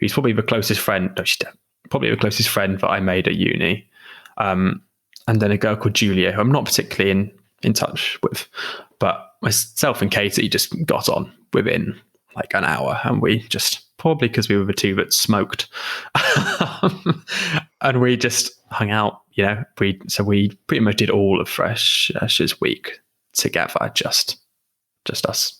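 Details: Adult female who stammers; stammering.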